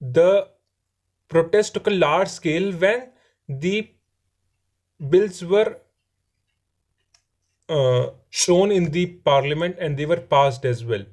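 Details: Adult man who says he stammers; stuttering.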